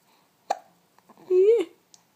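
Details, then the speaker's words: Infant nearly 4 months old with hiccups, also a frequent hiccupper in the womb: a sharp single hiccup followed by a short infant vocal sound in a quiet room. "and the amazing hiccups can you do some noisy ones for us again hiccup champion you're my haircut champion"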